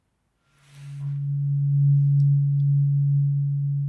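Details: ASMR roleplay cranial nerve exam, eyes closed, binaural: a brief tap, then a steady pure low hum from a struck tuning fork while listener reports one or two forks; simulated hearing test tuning fork tone.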